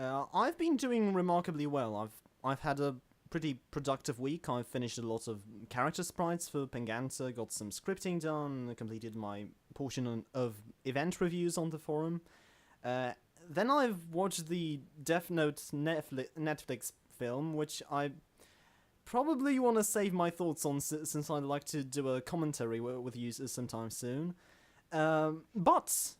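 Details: Adult male self-described stammering host; stuttering.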